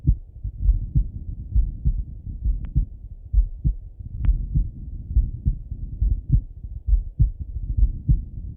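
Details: Male heart auscultated with a stethoscope, recorded either sitting at a desk or lying in bed: steady regular low, muffled lub-dub about 65–70 a minute, no added sounds; normal heart sounds.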